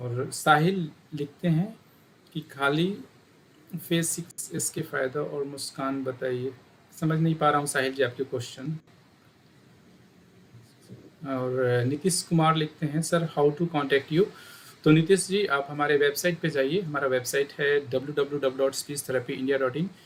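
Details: Adult man speaking; normal speech.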